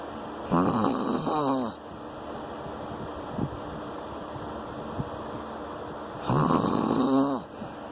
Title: No sleep for me. Snoring hubby.